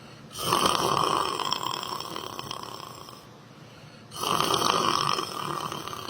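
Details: Person sleeping while sitting down in church: two long, rough, rattling snores on breathing in, about 3.5 seconds apart, roughly 16 a minute, with quiet pauses between; typical snoring.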